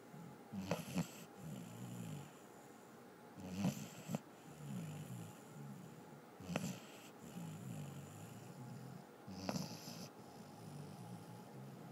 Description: Our dog Lucy, a Basset Hound, snoring